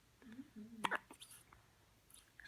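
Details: Newborn baby girl on her first day home, hiccupping for about five minutes while awake: a small sharp catch of breath, a single hiccup, with faint soft vocal sounds around it.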